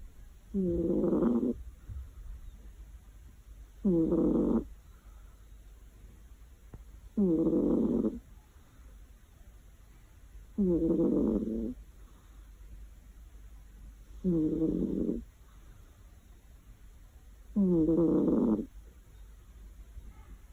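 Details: Cat that just fell asleep on a warm afternoon, snoring loudly and regularly: rough, rattling snores on each in-breath, about 18 breaths a minute.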